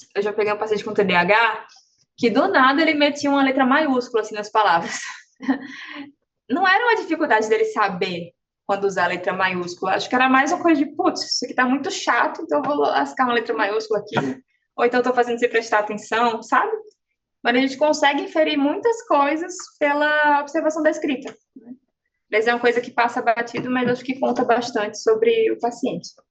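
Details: Adult woman speaking Portuguese; normal speech.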